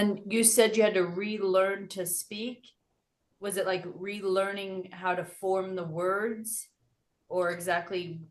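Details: Adult interviewer speaking; normal speech.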